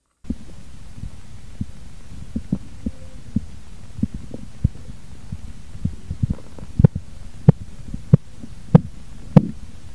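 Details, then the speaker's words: Korotkoff sounds heard with a stethoscope at the elbow during manual blood pressure measurement as the cuff deflates: soft tapping beats under a low hum, growing louder; onset marks systolic, disappearance marks diastolic pressure. "cuando se empiezan a oír esos ruidos nos da la presión arterial sistólica y cuando se dejan de oír los ruidos de color nos da la presión arterial diastólica"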